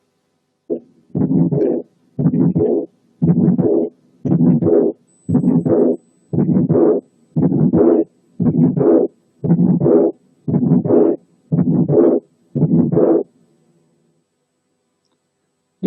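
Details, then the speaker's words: Severe pulmonary hypertension heard at the third and fourth left sternal spaces: ejection systolic murmur, loud second sound, and soft early diastolic Graham Steell murmur from pulmonary valve ring dilatation, regular cycles near 58 a minute. "لكن كمان ممكن نسمع an early diastolic murmur نتيجة dilatation of the pulmonary valve ring زي الآتي."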